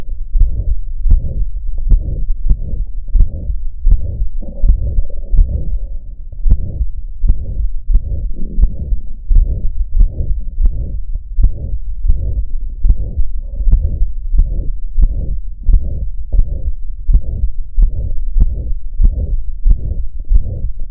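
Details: Systolic heart murmur recorded with a Stethophone digital stethoscope: a regular heartbeat near 75 a minute with a soft rushing sound between the beats.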